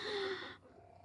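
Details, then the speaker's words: One brief, noisy snorting breath with a faint humming tone, fading into quiet room noise: a snore from a sleeping pet whose eyes are open. "Her eyes are open and she's sleeping and snoring."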